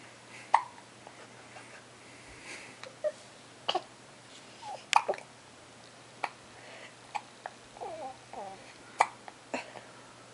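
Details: Just woken in the morning and looking grumpy, with hiccups: brief sharp catches at irregular intervals between soft vocal sounds, about a dozen in ten seconds; hiccups.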